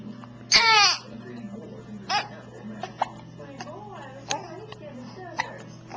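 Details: Baby hiccups recorded on a Flip Video camcorder: a squeal and soft vocal sounds broken by several brief, sharp hiccup catches, about seven in six seconds.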